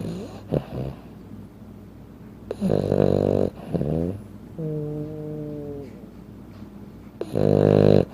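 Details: A sleeping 15-pound Frenchton dog snoring like an adult human: loud, rattly snorts and a drawn-out whining snore.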